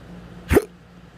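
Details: Adult with intractable hiccups since December 2015, on a new GERD reflux medication regimen; this bout started at midnight on September 10, 2020 after rolling over in bed: a single abrupt, sharp gulping hiccup in a quiet room.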